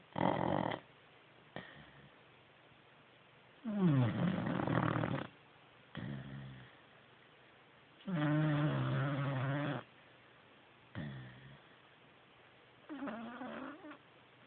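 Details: Slow, rough snoring noises, some with a low groaning tone, separated by quiet pauses, from a sleeping 4-month-old Swissy puppy; snoring.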